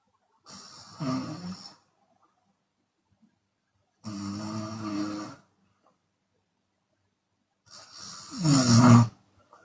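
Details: Chinese woman snoring with her mouth open, sometimes on exhalation: three loud, rough snores separated by silent pauses, the last the loudest and harshest.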